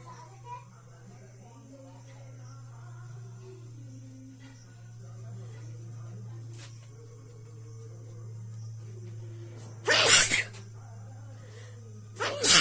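Two sharp, explosive bursts near the end over a steady hum and faint background music, consistent with sneezes.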